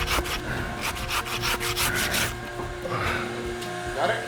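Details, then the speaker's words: Rhythmic rasping strokes of a sanitized hand saw cutting through soft velvet antler, like sawing a potato or watermelon, during routine velvet antler removal from a farmed elk, with a tourniquet in place after scalpel incision of the velvet skin. "we use the sanitized hand saw for the actual removal of each individual antler it's it's much like sawing through a potato or a watermelon in its consistency"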